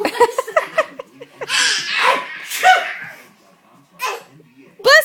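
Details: A child pretends to sneeze, copying his father's sneeze: a string of short voiced bursts and breathy hissing blasts, with laughter nearby; pretend sneezes.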